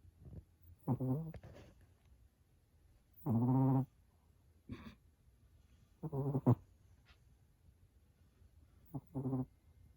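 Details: Dog's unusual snore, likened to a buzzing bee or motorcycle: irregular, short, rumbling, snorting breath sounds in a quiet room, about 20 per minute.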